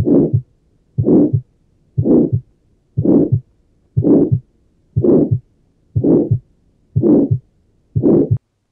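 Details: Tetralogy of Fallot, pulmonary focus: regular heartbeat about 60/min, harsh crescendo-decrescendo ejection systolic murmur, single S2 (aortic only, pulmonary component inaudible from low pulmonary artery pressure); ejection systolic murmur.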